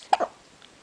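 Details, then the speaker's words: 3-week-old baby girl, 8 lb 12 oz, awake with recurring hiccups: a single brief, sharp hiccup burst in a quiet room; ordinary infant hiccup. "do we have the hiccups again we're Wide Awake we have the hiccups yes we do"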